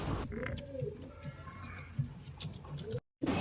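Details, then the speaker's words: Pigeon with cough and cold, bringing up phlegm and making gurgling sounds, beak held slightly open since yesterday: low, wet gurgling rattle of mucus in the airway, respiratory rattling. "Sir ನಮಸ್ತೆ ಇವಕ್ಕೆ ಒಂದು ಸ್ವಲ್ಪ ಗಂಟೆಯಲ್ಲಿ ಕಫ ಬಿಟ್ಕೊಂಡು ಗೊರತಾರೆ ಗೊರಗುರ ಅಂತ sir ನೆನ್ನೆಯಿಂದ ಬಾಯಿ ಸ್ವಲ್ಪ ಓಪನ್ ಮಾಡ್ತಿರುತ್ತೆ"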